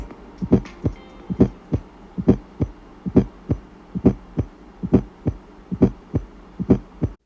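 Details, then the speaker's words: S4 atrial gallop: regular heartbeat near 68 a minute with a soft extra sound just before each first sound. "S4 is called an atrial gallop and this is caused by stenosis so narrowed vessels or regurgitation at the valves something abnormal like that to cause this extra fourth sound"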